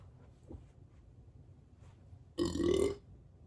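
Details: Burp on command while bloated: one loud, half-second voiced belch after quiet room noise.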